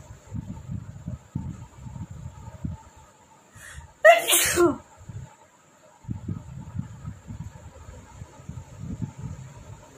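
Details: Sneezing challenge: one loud, sudden sneeze over low background noise and muffled activity.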